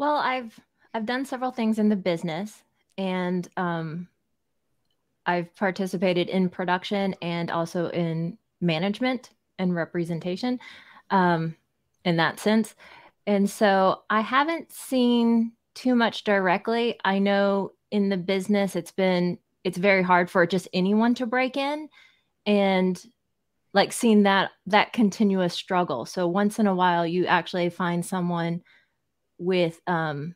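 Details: Adult speaker, conversational interview; speech.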